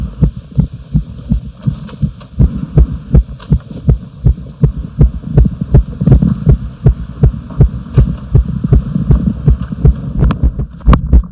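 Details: Heartbeat: a steady, fairly quick run of low thumping heart sounds over a soft hum; an ordinary heartbeat.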